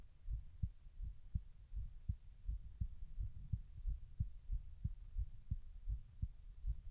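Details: Heartbeat recorded while the person tries to slow their heart rate: soft, low, steady thumps at about 80 beats a minute with a faint background hum.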